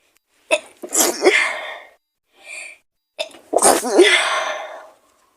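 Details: Two forceful sneezes from a woman, each with a sharp inward breath before the burst, in an acted scene portraying someone sick with a fever; simulated sneezing.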